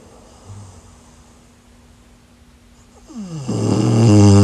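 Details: Snoring during sleep: quiet breathing with a faint hum, then a loud, rising, vibrating snore on an in-breath.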